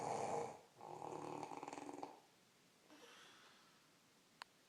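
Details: Adult woman (mother) snoring: two loud, fluttering breath noises in quick succession, then quiet breathing.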